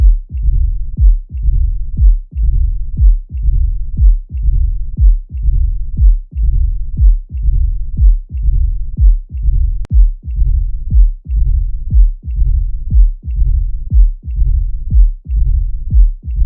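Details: Mitral stenosis: regular heartbeat near 60 a minute with an opening snap and a low mid-diastolic rumbling murmur filling the pause between beats.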